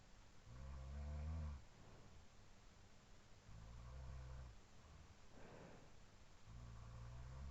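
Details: Roommate's snoring over a sleeper's breathing, recorded at night around 4:17–4:20 AM after falling asleep near 2:10 and looped: low rumbling snores on slow in-breaths, quieter sleep breathing between.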